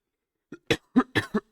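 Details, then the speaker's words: An adult man with a cold and a hoarse voice gives a quick run of four or five short, dry coughs in a small quiet room, a brief coughing fit. "Ouais, petite parenthèse, j'ai attrapé un rhume. Voilà, euh, on a fini torse nu au stade jeudi, et depuis j'ai la voix cassée et et du coup j'ai attrapé un coup de froid."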